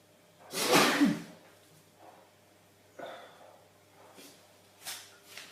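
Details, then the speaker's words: An adult man sneezing on purpose on camera, with eyes watering, gives one loud explosive sneeze, then a few quieter sniffs and short breathy noises; he expects more sneezes to follow. "Oh God, eyes are watering. Oh, not finished. I'm going to sneeze."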